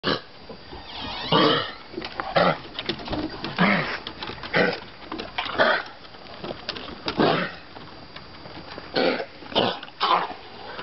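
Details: Two Vizsla dogs with kennel cough give repeated harsh, honking coughs with retching sounds.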